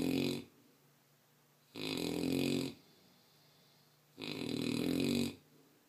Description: My 11 month old mastiff puppy snoring his heart out.